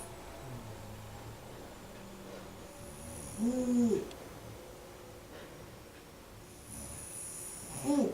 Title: My Mom Has Weird Snoring 2